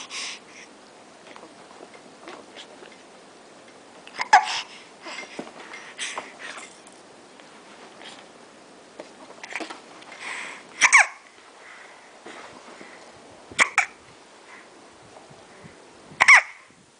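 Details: About four sharp, brief gulping catches at uneven intervals among soft breathing and sniffing; hiccups.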